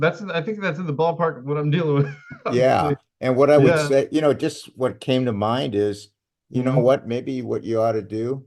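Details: Adult male speaker; ordinary speech.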